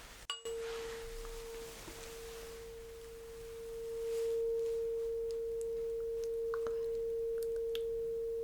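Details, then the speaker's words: Tap then steady pure ringing of a struck tuning fork placed on the bone behind the ear, simulated bedside hearing test in an acted cranial nerve exam. "So I'm gonna use this tuning fork and I'm gonna put it right behind your ear on that bone. You can feel it. So you will have to tell me when the sound is gone."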